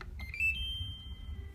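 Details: A short high electronic beep over low room hum as an Ampall SP-8800 syringe pump starts an infusion after the rate and volume are set, 500 entered on the keypad; device demonstration.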